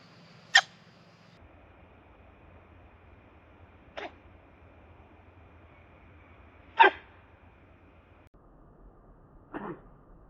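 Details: Female black-backed Australian magpie, just after drinking, then scratching the irritated area: four short, sharp, explosive puffs of air in a quiet outdoor setting; bird sneezing.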